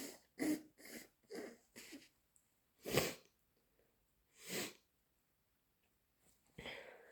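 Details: Person with a head cold: a run of quick catching breaths leads into two forceful sneezes, followed by a noisy nose blow; repeated sneezing with a cold.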